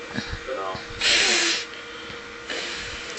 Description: Girl has adorable sneezing fit where a single sneeze can last multiple seconds